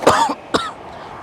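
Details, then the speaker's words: Adult producing two short, forced, deliberate coughs as a prank, not a true cough, with faint outdoor background; voluntary cough. "all right a lot of people don't play by this oh i'm just gonna be coughing on folks coughing up folks come on baby"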